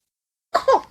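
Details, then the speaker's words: Newborn coughs briefly, a quick double pulse after silence, while swallowing a melting tablet medicine placed in his mouth; he has difficulty swallowing things other than milk, and the cough is considered harmless. "കേട്ടോ ഇങ്ങനെ ചുമക്കും പക്ഷെ പ്രശ്നമൊന്നുമില്ല കേട്ടോ തൊണ്ടയിൽ കുരുങ്ങിയതാണ് അങ്ങനെയൊന്നും വിചാരിക്കരുത്"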